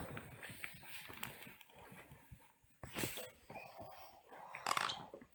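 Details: Sleeping girl with brief gritty grinding and clicking bursts in a quiet room; teeth grinding (bruxism), snoring also noted.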